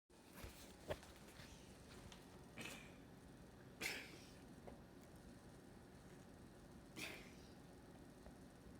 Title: Cat Cough